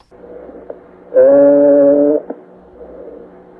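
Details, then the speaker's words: Egophony, NCLEX teaching example, usually heard over the posterior chest wall, with causes given as pleural effusion, pneumonia or fibrosis: a spoken 'e' transmits loud, buzzy and nasal, like a bleating 'a'. "so the cause of egophony may be plural infusion pneumonia or fibrosis so let's listen to a egophony lung sound"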